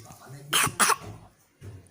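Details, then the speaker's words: Child, apologising for coughing while being spoon-fed by her mother, gives two short, sharp coughs between soft speech sounds; a brief dry cough. "aku harus maaf lagi batuk."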